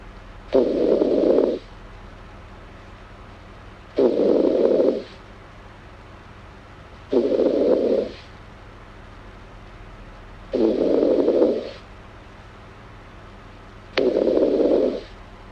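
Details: Girl snoring: regular breathy, rasping snores about every 3.4 seconds, roughly 18 a minute, over steady low room hum; snoring.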